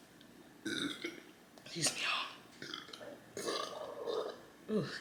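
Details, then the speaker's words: Several loud, throaty belches in quick bursts over quiet room sound, from a woman eating Chick-fil-A during an eating show. She says her stomach is "falling apart" and that certain foods and drinks make her belch. "me excuse me y'all please know I I don't censor my my belching I don't censor it because this is what happens when I eat and drink certain foods it's going to happen y'all"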